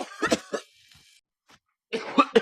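A few short, quiet cough bursts, then a pause and a further burst of throat sounds.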